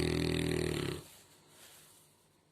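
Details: Snoring during deep sleep: one deep, fluttering rattle lasting about a second, then quiet breathing.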